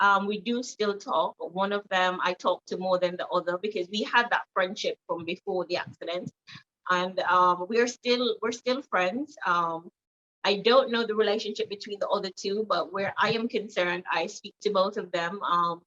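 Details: Jamaican woman with foreign accent syndrome after a car accident; her neurologist attributes it to head trauma causing a stroke and swelling between motor and language areas; accent shifted from American to Trinidadian to British and stayed British; foreign accent syndrome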